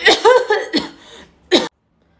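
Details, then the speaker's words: Acted coughing in a school comedy skit, with the speaker complaining of an itchy throat: several short cough bursts from an adult, ending in one sharp isolated cough. "itu yang batuk bukan saya bukan Aduh tenggorokan segala gatel mulu"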